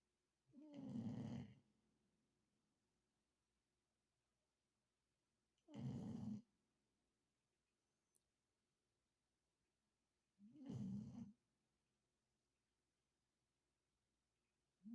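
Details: Three low, rumbling snores about 12 a minute with quiet gaps between them; snoring during sleep.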